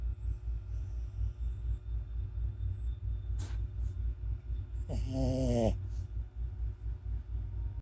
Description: A small dog snoring 💤